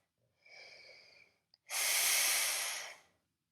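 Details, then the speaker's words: Night-time CPAP (continuous positive airway pressure) mask used for sleep interruptions by an adult with a traumatic brain injury: a soft hissing breath, a brief pause, then a longer, louder rush of airflow through the mask. "I'm using something called a CPAP machine which stands for continuous positive airway pressure machine where I wear this mask at night"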